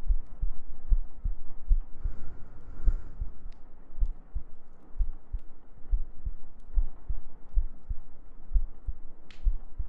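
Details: ASMR sleep-aid girlfriend cuddle role-play with heartbeats, gentle breathing and humming: steady, soft, low thumping heartbeat under a faint background hiss.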